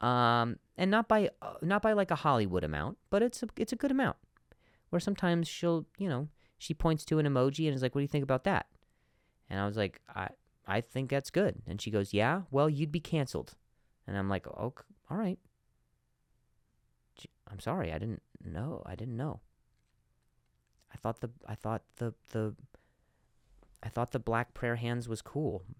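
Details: Adult male with stuttering, speaking spontaneously as a podcast host, with sound and word repetitions.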